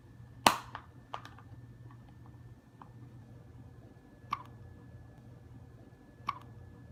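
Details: Sleeping newborn baby girl: soft, abrupt little catches at irregular intervals over quiet room hum; newborn hiccups, described as normal.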